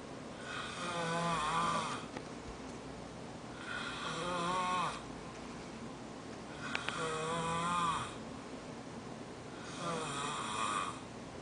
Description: Someone's snoring =o